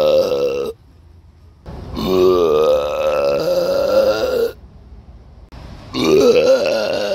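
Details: Two long, loud, voiced belches with a pause between them, recorded on a Samsung Galaxy S9 phone; deliberate burping.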